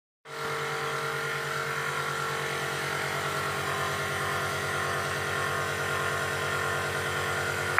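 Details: Steady loud buzzing motor hum with rapid pulsing throb from a nebulizer compressor running, used for a dog.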